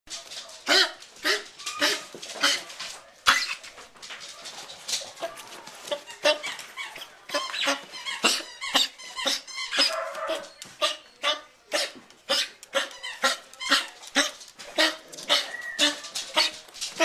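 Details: Dog coughing in repeated short, harsh bursts with squeaky gasping sounds between runs.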